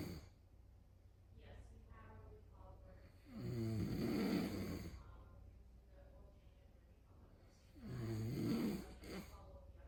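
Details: Two loud, rattling snores, each a few seconds long, separated by quieter breathing in a quiet room; ordinary snoring.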